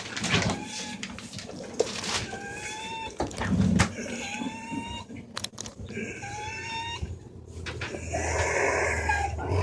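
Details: Dog in an episode of respiratory distress despite medication, needing an emergency vet visit: labored breathing with harsh, high-pitched inspiratory stridor from laryngeal paralysis, like breathing through a cocktail straw.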